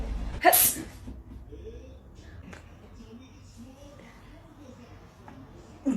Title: Sneezing prank on client 🤣#funnyvideo #funnyprank #prank